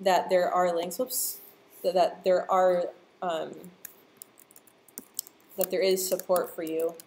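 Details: Adult woman who stutters, speaking live; part-word and word repetitions audible; stuttering.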